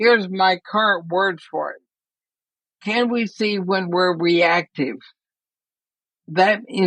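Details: Woman near 80 diagnosed with ALS (Lou Gehrig's disease); she reports quite a bit of speech trouble but feels still intelligible; dysarthria (ALS).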